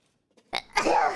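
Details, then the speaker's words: A faint catch of breath, then a short, soft, breathy burst: a single weak sneeze, uncovered, onto a shark pillow. "really that was a really weak sneeze oh sorry i didn't have time to cover my mouth i sneezed on my shark pillow"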